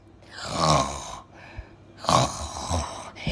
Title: खर्राटें लेना , फुसफुसाना, इसे English में क्या कहते हैं? 🙌🏻✅ #shorts